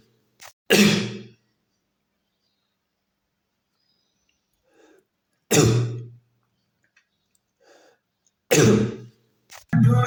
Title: Alison AI detects cough in real time from ambient sound